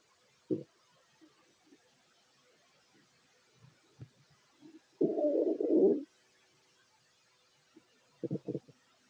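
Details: Fit adult male's stomach growling while eating a plate of sandwiches: scattered gurgles and a longer rumbling growl from the abdomen, ordinary bowel sounds of digestion.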